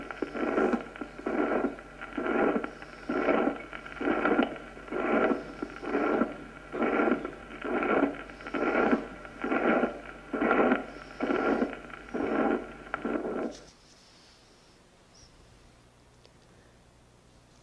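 Regular heartbeat near 66 per minute, each beat carrying an even, flat blowing murmur through systole; holosystolic murmur of mitral regurgitation.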